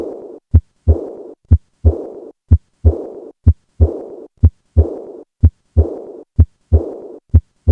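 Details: Acute aortic regurgitation auscultated at the 4th left intercostal space: regular heartbeat near 62 a minute with a blowing, fading murmur after each second heart sound. Aortic regurgitation murmur.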